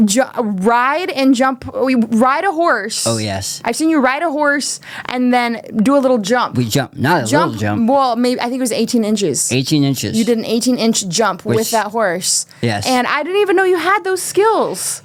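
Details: Adult woman and man in conversation; typical speech.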